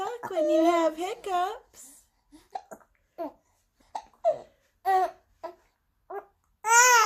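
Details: Hiccups in a baby trying to talk: the infant babbles and squeals, broken by short sharp catches in the voice.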